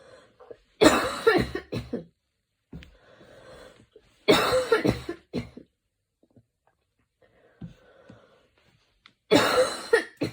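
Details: Evening coughing fit recorded while lying on the back: an adult coughing harshly in three close bouts, with quiet breaths between.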